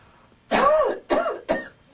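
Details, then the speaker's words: Three acted, muffled coughs, the first longest, performed into the elbow/sleeve in a humorous cough-etiquette demonstration judged by mock experts: cough. "ou will now see a series of coughs and sneezes performed by random subjects their coughs will be judged by our panel of three infectious disease experts dr. Gram stain dr. blood Haggar and dr. polymorph"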